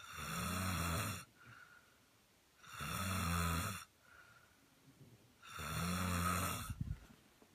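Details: A person snoring: three loud, rattling snores on inhalation, separated by quiet exhalations, about 22 breaths a minute; ordinary snoring.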